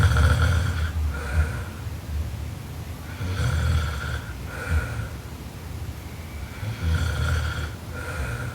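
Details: A sleeping young Japanese woman snores loudly, with rumbling snores and buzzy inhalations roughly every three to four seconds.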